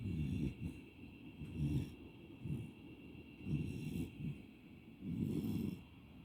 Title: Lazy Beagle puppy 🐶 Snoring